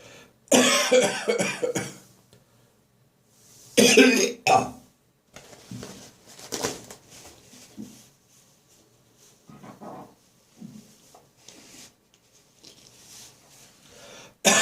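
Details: Harsh dry morning coughing after bronchitis, in a bathroom while clearing leftover phlegm: two strong bursts, then smaller throat-clearing and gagging efforts, sounding painful; dry cough.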